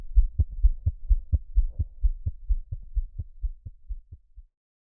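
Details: Fetal heartbeat recorded with a Doppler device and played through a speaker: rapid, regular low whooshing thumps, about 130 beats a minute.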